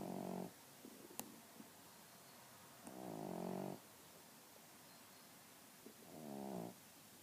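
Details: Three loud, buzzing snores with quiet gaps from a sleeping female pug in a quiet room; snoring.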